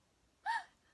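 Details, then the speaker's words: One brief, sharp, voiced gasp out of silence; a gasping vocal tic, described as typical during tic attacks that are mainly motor tics; vocal tic (gasping). "gasping noises and U mainly all mo movements uh mainly motor ticks"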